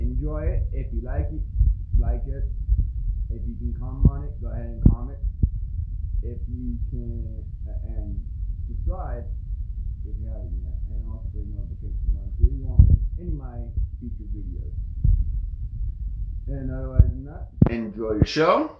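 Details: Speech impediment present since childhood, type unspecified.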